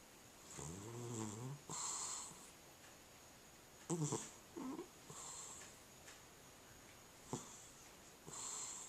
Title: Cat Snoring